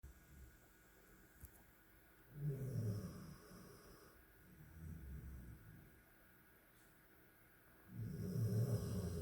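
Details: Female snoring at night: three low, rumbling snores spaced a few seconds apart over quiet room noise, about 20 per minute.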